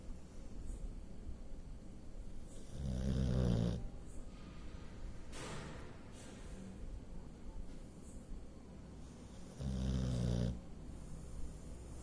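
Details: Boxer dog snoring in its sleep, reportedly snores all the time: low, rumbling snores about every seven seconds with snuffling breaths between.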